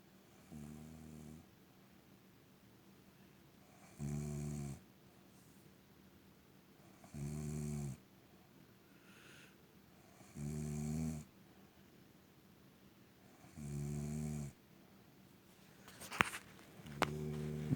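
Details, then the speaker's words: Adult woman (wife) snoring in bed: steady, low, buzzing snores about every three seconds, roughly 18 breaths a minute, with quiet pauses between them and a few clicks near the end; snoring. "gente filma quando alguém está roncando se inscreva no canal compartilhe os nossos vídeos roncando dia lindo né dia maravilhoso de sono de ronco"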